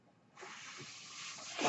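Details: Mechanical ventilator breath.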